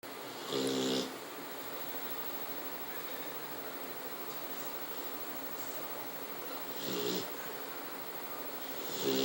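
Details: Sleeping pit bull snoring: slow, rough breaths with a low buzzing tone, roughly every six seconds, over steady room hiss.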